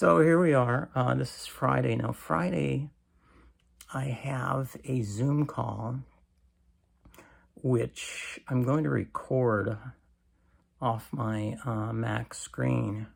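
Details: Weak creaky voice in an adult man with cancer and a bile duct stent needing more frequent clearing, recorded in the morning; he attributes it to lack of strength.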